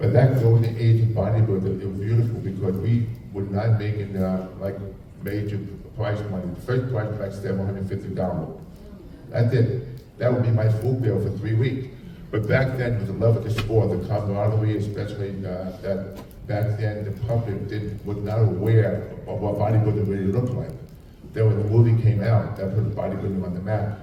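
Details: Adult man with profound hearing loss since childhood and a childhood speech impediment, trained in phonetics, who wore two hearing aids and received a cochlear implant about 3.5 years ago; deaf speech (speech of profound hearing loss).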